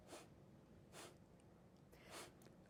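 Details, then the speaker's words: Adult woman with Tourette syndrome, a television news reporter and former medic, produces three brief sharp nasal sniffs in a quiet room; sniffing vocal tic of Tourette syndrome. "I have a sniffing tic, so we'll be in an edit bay, and we'll be doing an interview, and I'll"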